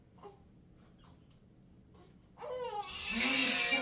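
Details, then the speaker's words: Two-week-old male infant at a chiropractic new-patient exam: quiet room, then a strained, rising pain cry as finger pressure finds a tender sore spot during his first adjustment. "you'll notice the baby starts crying because it's a sore spot. He's not crying cuz I'm whacking and cracking him."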